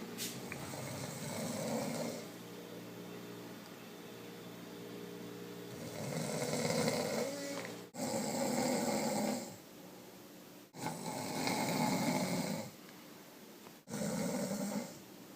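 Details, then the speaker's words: Adult mother snoring at 4 a.m. while asleep: loud, rough snores every few seconds with a steady room hum behind. "So it's 4 in the morning. We're at my aunt and uncle's house, and my mom will not stop snoring. Somebody help"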